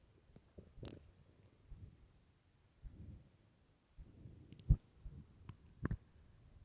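Low gurgling rumbles with a few sharper pops from an empty stomach; loud bowel sounds, a normal finding when hungry.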